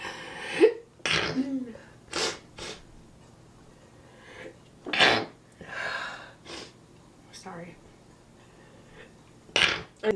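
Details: Several sharp sneezes with sniffs and breaths between, in a quiet room. Repeated sneezing.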